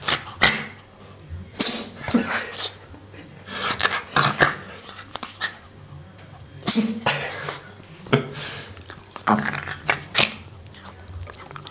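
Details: Repeated sneezing from a dog in a small room: sharp, short sneezing bursts with quiet breathing and snuffling between them.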